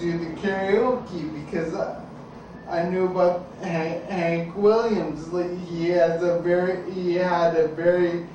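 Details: Ataxic dysarthria in an adult man with an ataxia of unknown type; his speech slowly became more slurred as it progressed and listeners often ask 'What?'.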